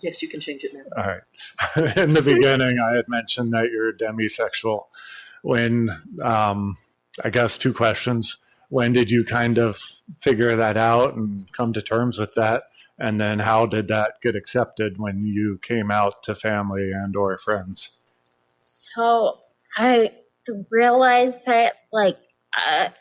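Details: Adult man speaking, with a second adult briefly replying; normal speech.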